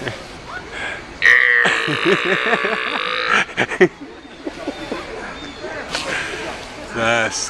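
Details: A person burping after drinking beer: one long, loud, voiced belch rumbling for about two seconds amid chatter and outdoor noise.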